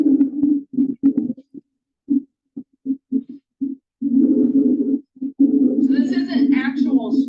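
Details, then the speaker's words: Rhonchi played as a teaching example in an EMR class: low-pitched, gurgling, snore-like breath sounds from lower-airway secretions, as heard in COPD, pneumonia, chronic bronchitis or cystic fibrosis; the listener says it sounds underwater. "the key thing to remember is that Roca is often described as a snoring sound which kind of helps differentiate the way we describe it when we're reporting what we formed on auscultation"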